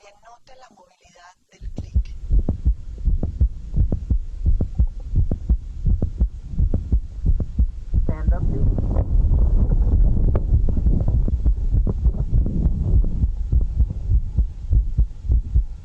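Heart sounds over background music, with a mid-systolic click whose timing shifts as the patient moves into and out of a squat.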